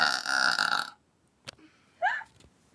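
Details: Burping contest: one long, loud, rumbling belch, then a short quiet pause and brief voiced noises.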